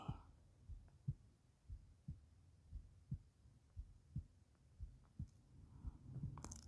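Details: Adult's own normal heartbeat recorded for ASMR while quietly reading Beowulf aloud: soft, steady low thumps at about 58 beats a minute with faint room noise.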